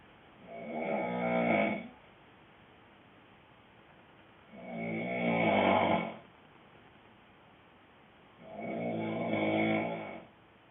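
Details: Boyfriend snoring: three loud, rattling snores of about 1.5 seconds each, repeating roughly every four seconds with quiet gaps between; heavy snoring.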